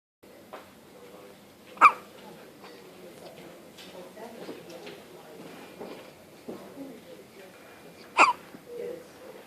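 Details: Two sharp, brief hiccup sounds about six seconds apart over quiet room noise; hiccups in a male dog.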